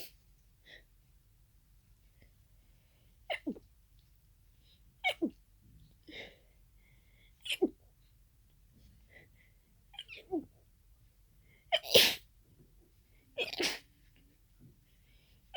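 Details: Sneezing fit of unknown cause after about an hour of nasal irritation; allergy medication taken earlier: a run of about seven sharp sneezes with quick inhalations between them, the last loudest, with congestion toward the end.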